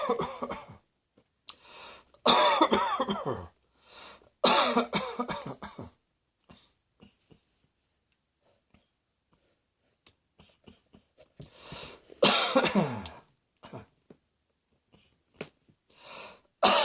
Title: Cross Dressing Coughing 77